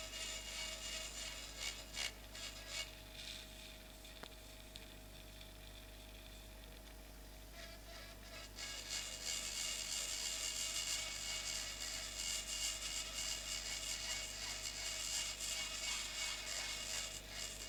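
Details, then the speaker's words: High-pitched whirring and grinding of a surgical drill cutting bone, louder partway through, over faint room hum: a temporal bone dissection demonstration, drilling along the facial nerve vertical segment toward the styloid through peripheral air cells. "So this is level of my facial nerve vertical segment and I will drill all this bone to expose it till the styloid for these are the peripheral air cells. And we have to drill parall to the structure log axis of the facial."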